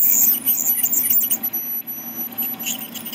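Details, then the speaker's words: Veterinary dental cleaning: high-pitched continuous whine with squeaky scraping as a water-cooled ultrasonic scaler works along the gum line and slightly under it, then down the tooth grooves. "I just want to make sure your scaler has water in it that's working properly so whenever you go to the teeth you want to get right on the gum line make sure you get a little bit under"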